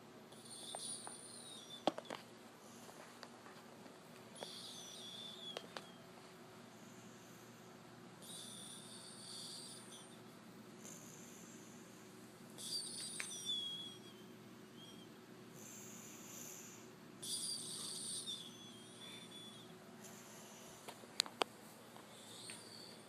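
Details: Sleeping person: soft, high-pitched whistling squeaks recur with each breath, a wheezy snore.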